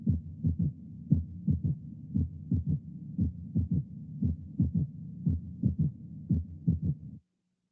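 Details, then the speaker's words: Physiological third heart sound (S3) in a child, heard with the stethoscope bell applied gently: slow regular heartbeat with a soft, low extra thud just after the second sound, a normal S3. "escuché un tercer ruido normal en un niño con un receptor de campana aplicado suavemente"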